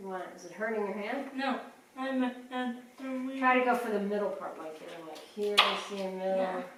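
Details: Adult speech, possibly two speakers in conversation; ordinary speech.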